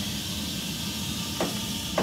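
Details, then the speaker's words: Wall suction regulator for suctioning an adult's tracheostomy: steady hiss with two brief surges as the tubing is occluded and pressure jumps to about -180. "first you're going to set a regular suction okay and like I said the patient is an adult so we're getting for negative hundred to negative 120"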